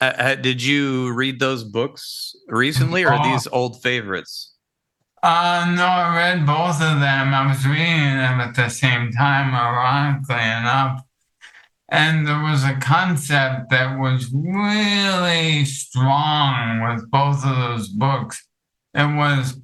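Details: Dysarthria from ALS in an adult male, with the disease affecting his vocal cords and making it difficult for him to talk for long periods.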